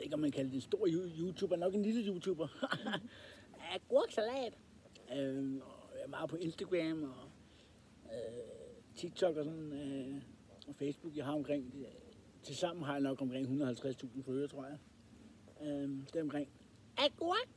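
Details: Male with Tourette syndrome, described as a fault in the head that leaves his speech and movements uncontrollable, with real involuntary vocal tics; vocal tics (Tourette syndrome).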